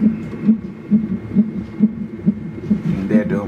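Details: A fetal monitor during labor with twins induced at 34 weeks, mother admitted 5 cm dilated: regular whooshing thumps at about 136 beats a minute, a fetal heart rate in the normal range.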